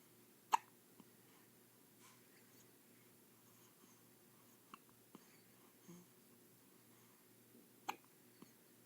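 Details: Hiccups: two sharp hiccups with a few faint ones between them over about nine seconds, against quiet room noise.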